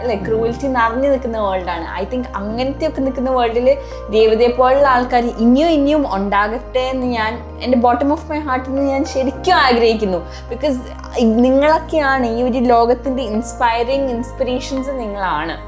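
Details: Adult woman speaking; normal speech.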